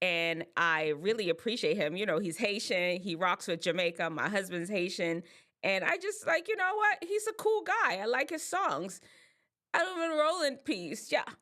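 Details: Adult woman; normal speech.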